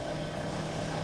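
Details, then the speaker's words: Percussion massage tool used for soft tissue work on the low back during chiropractic treatment of a patient with spinal stenosis; steady low motor drone with fast buzzing hum. "good I'll use the percussion tool here to do some soft tissue work"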